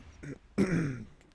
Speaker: But god, if I had to listen to this one back and hear myself clearing my throat constantly and coughing, I would be cringing so hard.